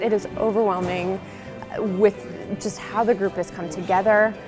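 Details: Adult woman speaking; Ordinary speech.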